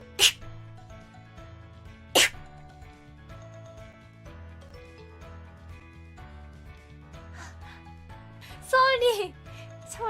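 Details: Two sharp sneezes about two seconds apart from a livestreamer over quiet background music, followed by a brief vocal exclamation.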